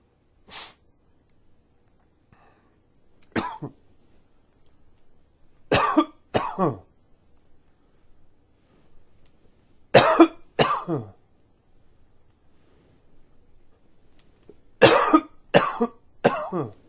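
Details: Adult with allergies gives about nine short, dry coughs, singly and in small runs; allergic cough.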